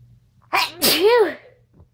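A single sneeze: a sharp intake followed by an explosive voiced burst.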